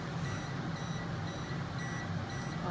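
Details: 980/1470nm diode laser with radial fiber firing during endovenous laser treatment (EVLT) of an insufficient right short saphenous vein in a woman with varicose veins: regular faint high beeps, about two a second, over a loud low hum.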